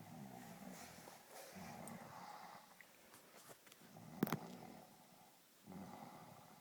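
A sleeping dog makes low, rough snoring breaths with snuffles and grunts, and there is a brief sharp noise partway through.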